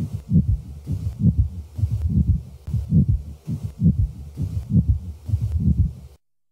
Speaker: the following example displays a typical friction rub recorded at the left sternal border of a male with pericarditis both the systolic and diastolic components of the rub are heard